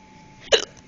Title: I got the hiccups again!